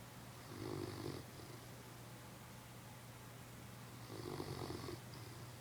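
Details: Newfoundland dog snoring: two long, low, rumbling snores about four seconds apart, each a fluttering vibration on the in-breath over a steady hum; snoring during sleep.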